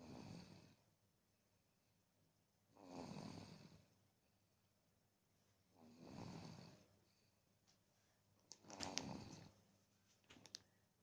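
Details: Sleeping baby snoring, soft rattling snores on each breath, about three in ten seconds.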